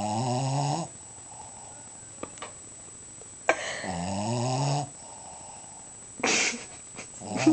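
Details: Dog snoring while asleep: two long, rattling, low-pitched breaths a few seconds apart, with quiet pauses and small background noises between.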